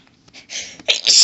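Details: Woman sneezing while reading aloud, sneezes intense and violent: brief hitching inhalations building into a forceful sneeze burst; part of a sneezing fit.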